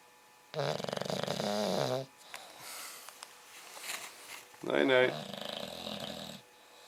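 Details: English Bulldog, 8 months old, snoring: two loud, rattling, buzzy snores with a quieter snuffly breath between them.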